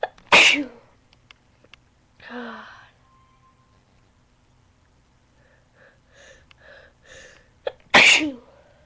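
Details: A person sneezing with a cold and allergies, recorded on a good microphone, with two sharp, explosive sneezes and quieter voiced sounds between; sneezing.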